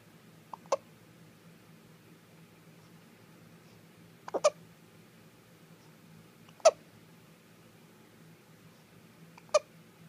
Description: Two week old baby girl with the hiccups.